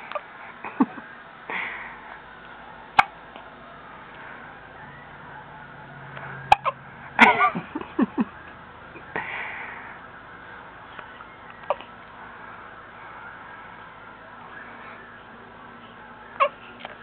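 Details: Hiccups in a five-day-old baby boy: several brief, sharp, irregular catches of breath with room noise and faint talk.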